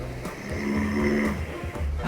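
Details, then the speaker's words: Adult man snoring while asleep, recorded by his roommate; described as snoring like a trained bel canto singer. Loud, drawn-out snore with low buzzing, almost sung tone over faint background music. "他打呼吗？是有学过美声的打呼。"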